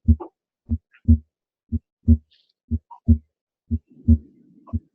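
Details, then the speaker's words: Harvey cardiopulmonary patient simulator set to normal, stethoscope at right upper sternal edge (base): regular paired normal heart sounds about 60 a minute, second sound louder than first, timed with pulse. "Doug you'll notice that the second heart sound is louder as you would expect here at the base of the heart similarly uh it's still louder than the first heart sound which we can tim"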